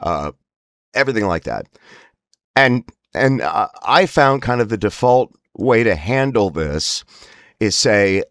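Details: Spasmodic dysphonia (laryngeal dystonia) in an adult, whose spasms worsen with emotional stress.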